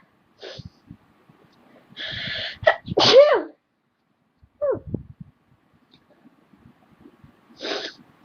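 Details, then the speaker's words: A run of sharp, explosive sneezes with quick intakes of breath from a woman who says she is sick, with headache and sore nose, and thinks it is allergies. "We both have allergies for sneezing."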